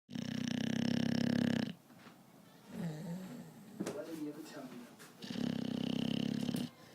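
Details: Adult dog snoring: two loud buzzing snores with quieter snuffling breaths between them.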